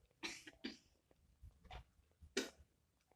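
About three or four short, forceful voluntary coughs with a quiet breath between them, acted to show an effective cough for clearing sputum.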